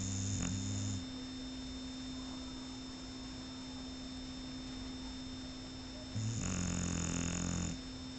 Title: Shar pei snoring